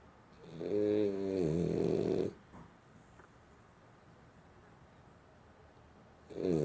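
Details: A sleeping dog snoring: a loud, rumbling snore on the in-breath, then a long quiet pause before the next snore begins.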